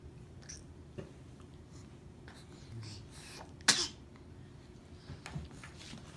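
A single sharp, explosive sneeze against quiet room noise, with faint breathing sounds around it.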